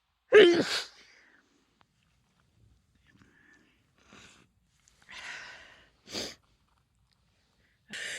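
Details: Adult female with a cold, clips from several days: a loud sneeze then quieter sniffs and further sneezes, deeper, wetter and hoarser as the cold takes hold.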